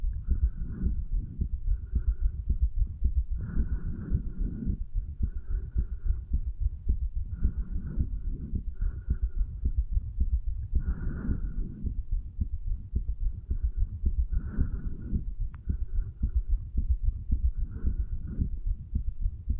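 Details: 35-year-old male's own heartbeat recorded over the tricuspid valve area, placed lower than usual to hear more of the heart muscle; noted as taken under effects of medical marijuana and nicotine; low thumping beats with rubbing noise, about 55 beats a minute.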